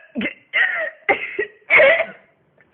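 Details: Adult with whooping cough in its fourth week, now about four coughing fits a day: four harsh, strained cough bursts in a quick run, hard to breathe in afterward.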